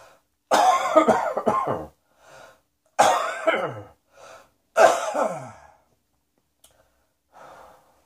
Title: Cross Dressing Coughing 24